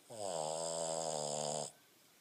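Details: A single steady, whistling snore about 1.5 seconds long from a Boston terrier asleep on the owner's lap; snoring.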